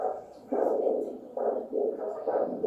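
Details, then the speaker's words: Handheld Doppler with ultrasonic gel over the arm artery as the blood pressure cuff is gradually deflated: rhythmic whooshing pulse signal returns, marking arm systolic pressure. "we're going to gradually release the pressure gradually release the pressure until we hear the signal again okay"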